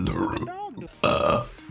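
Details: Streamer burping compilation: a loud, drawn-out belch with a rough, low throaty tone, following brief talk; an ordinary burp.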